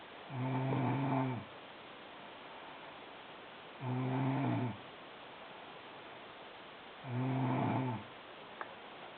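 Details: Loud snoring from a sleeping woman (sister): three deep, buzzing, rattling snores on the in-breath, about 18 a minute, with quiet pauses between.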